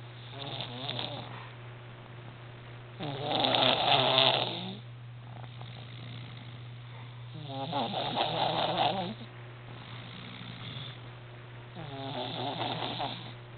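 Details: He snores loudly: rhythmic rattling snores on each breath in, about 13 breaths a minute, with a steady low hum behind.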